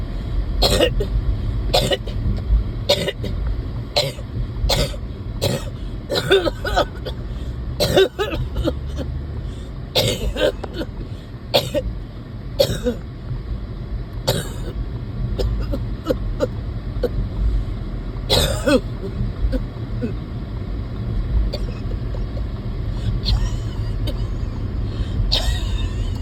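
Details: Adult who gets winded even walking to the car, coughing in repeated short bursts with throat clearing over steady low vehicle rumble.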